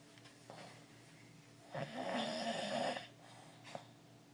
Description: My uncle snoring! Lol